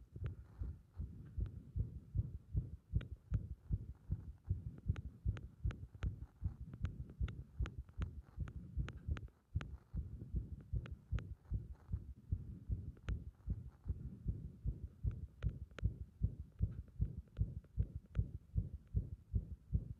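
Rapid, muffled heartbeat near 150 a minute with some uneven spacing between beats, consistent with an irregular heart rhythm.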